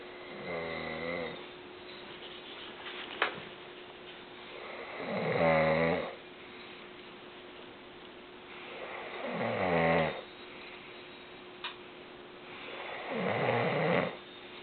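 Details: A sleeping adult snores loudly and rattles on each in-breath, about 15 a minute, with quiet pauses between; typical adult snoring.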